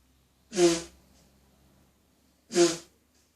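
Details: A woman's ongoing tickly cough with nose blowing.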